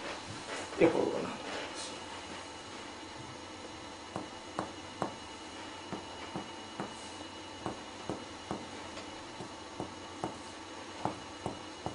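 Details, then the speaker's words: Percussion over the lungs, tapping with the finger alternating right and left sides; a steady series of light strikes giving a clear resonant pulmonary note, the normal finding. "над легенями ясний легеневий звук"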